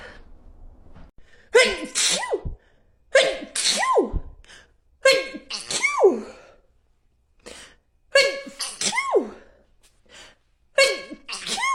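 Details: Woman with allergies having a sneeze attack despite taking her allergy medicine: about six sneezes in a row, each a rising voiced in-breath followed by an explosive release; allergic sneezing fit.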